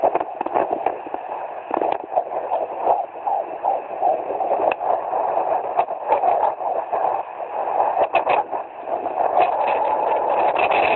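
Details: Fetal heartbeat at 17 weeks of pregnancy, picked up by Doppler: steady, fast, rhythmic whooshing pulses over a constant hiss.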